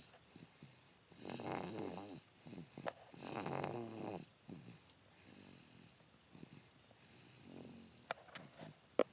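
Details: Person snoring: loud rattling snores on in-breaths, two strong ones followed by softer, fainter snores, with quiet pauses between and faint room noise.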